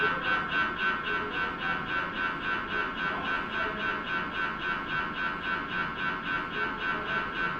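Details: MRI scanner noise: loud, regular buzzing pulses at about 220 per minute, the typical knocking-buzz of an MRI scanner running a sequence.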